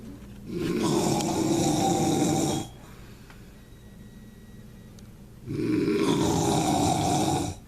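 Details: Two long, loud, rough rattling snores separated by a quiet pause with a faint high tone, from a man whose snoring scares a cat: heavy snoring.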